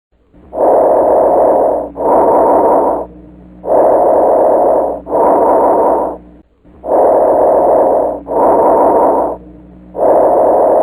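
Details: Bronchial breath sounds heard on chest auscultation, from an educational review of common breath sounds for medical students.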